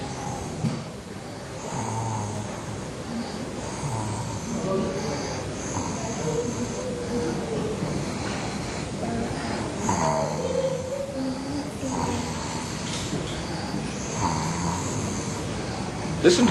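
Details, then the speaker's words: Boy in intensive care with acute epiglottitis, toxic and lethargic, breathing through a wide-open mouth with saliva pooling in his mouth. Low-pitched, rough snoring noise on both inspiration and expiration, unlike the higher-pitched stridor of croup. "to the low-pitched snoring inspiratory and expiratory Noise contrasted to the higher pitched stridor of group"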